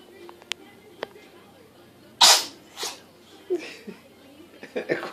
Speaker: call this the sneezing cat video. Kick one out there, Buttons.